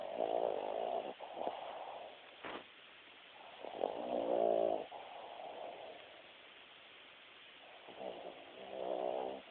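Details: Three rattling, fluttering snores with quiet breathing between, roughly one every four seconds; snoring.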